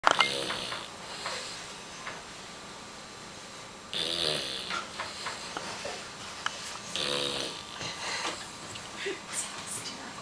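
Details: Sleeping on a person's leg: three loud rattling snores about three seconds apart, with quiet breathing between them and faint room noise; snoring.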